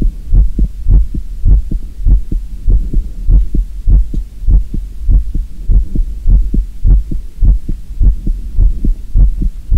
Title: Will you listen my real heartbeat sound? 콩닥 제 리얼콩닥 심장소리들어봐요 ASMR [NO TALKING]